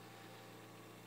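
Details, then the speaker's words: Steady low motor hum with an even airy hiss from an Invacare Perfecto2 5-litre home oxygen concentrator running, described as a bit louder than the Respironics EverFlo Q. "okay this is the Perfecto I think it's just a tad bit louder but Invacare uh pretty much has owned the market and concentrators for quite a long time"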